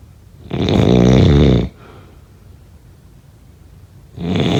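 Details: Snoring.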